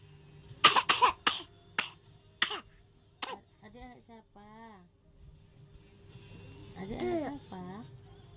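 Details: Young child coughing: a run of about five sharp, dry coughs, then short vocal sounds, with faint room hum behind.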